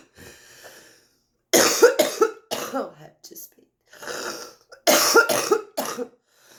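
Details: Adult female smoker coughing while smoking a cigarette: several harsh, wet coughs with spitting, throat clearing, noisy congested breaths and airway congestion. She suspects chronic bronchitis; a smoker's cough.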